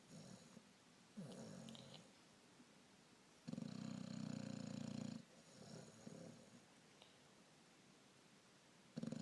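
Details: Asleep lying on top of the person recording, snoring: soft, low rumbling snores with breathing sounds.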